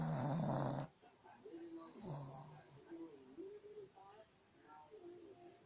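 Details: A sleeping dog gives low rumbling snores with thin squeaky whistling and whimper-like noises between them; dog snoring.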